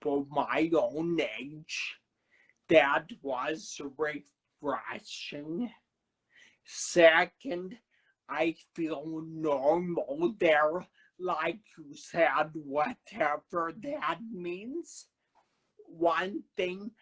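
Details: Man who had a cerebellar stroke at age 35 in September 2013, initially unable to talk, with a paralyzed vocal cord still affecting him and aphasia; dysarthria with dysphonia after stroke.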